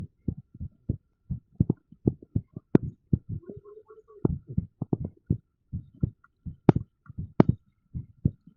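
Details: Rapid heart sounds with uneven spacing between beats, recorded with a TENS device in use: irregular heartbeat.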